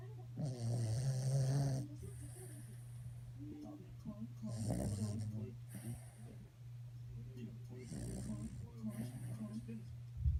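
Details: Sleeping dog snoring with eyes open: rough, rattling snores on each breath, with a steady hum in the background.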